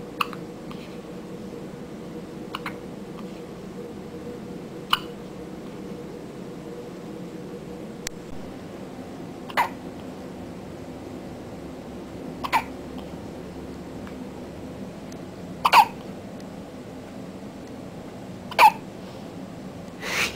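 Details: Infant hiccups: brief sharp hiccup sounds recurring about 21 times a minute, somewhat irregularly, over steady room noise.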